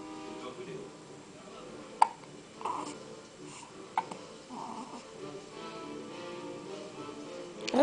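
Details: Infant with hiccups: two sharp, brief hiccups about two seconds apart, with television narration playing in the background.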